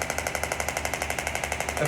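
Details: A radial shockwave (EPAT/RPW) Atlas applicator firing: rapid, even mechanical tapping at about 12 pulses per second.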